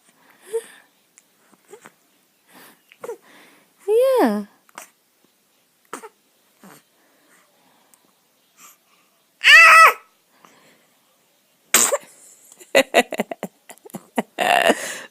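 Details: Baby boy cooing and squealing, then a sudden sharp burst of air near the end, an infant sneeze, followed by more vocal sounds; sneeze.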